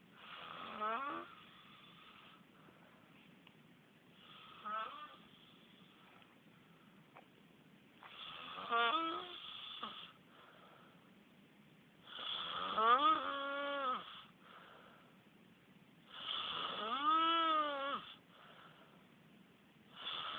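Rhythmic snores about every four seconds, about 14 a minute, several with a rising, whistling, moan-like tone.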